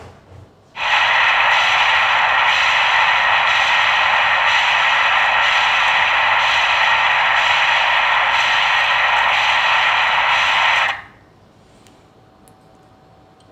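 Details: Ultrasound Doppler of a normally functioning dialysis AV fistula: continuous loud whooshing flow with gentle pulsing about 71 a minute, typical of a well-functioning fistula; normal AV fistula Doppler flow.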